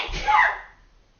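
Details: Gronski's sneeze: one loud, explosive burst of air that trails off quickly; a single sneeze.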